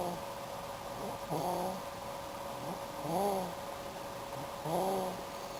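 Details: Sleepy girl who slept a couple of hours, snoring: three slow, regular breaths with a low rumbling, whistling tone over steady background hum, roughly 36 a minute; ordinary snoring.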